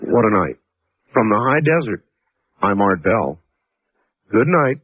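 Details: Adult male speaker; Normal speech.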